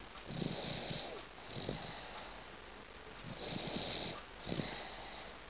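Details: Snoring from an 8-month-old baby.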